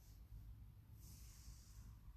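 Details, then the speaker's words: Quiet, low rumbling snort with a faint hiss from one of several sleeping animals snoring separately, not in rhythm: snoring. "Yeah. That one is snoring, and that one is snoring. But none of them are snoring in rhythm. They're just snoring separately."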